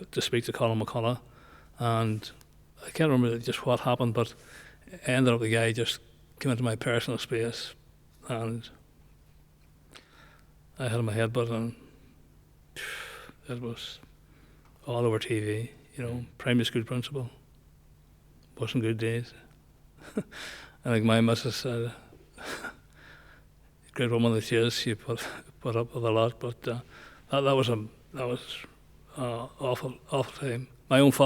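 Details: Male nearly 65 with Parkinson's disease who noticed a voice change before diagnosis and has word-finding difficulty; hypokinetic dysarthria (Parkinson's disease speech).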